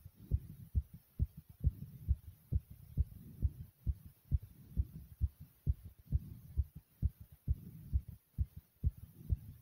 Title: My Powerful Pounding Heartbeat ❤❤